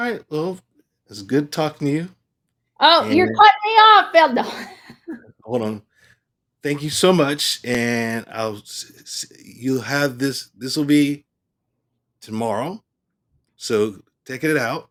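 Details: Adult male stroke survivor with aphasia after stroke; aphasia.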